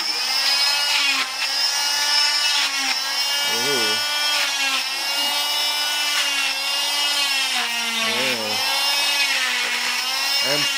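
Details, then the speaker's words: Oscillating cast saw removing a child's arm cast worn for 2 months after a broken arm: steady high-pitched whine with brief lower grinding bursts as it cuts. "this is what I'm using to remove your cast. Okay. It's very loud."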